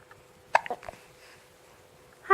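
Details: Boy with hiccups, as usual for him, not smiling while his mother talks to him.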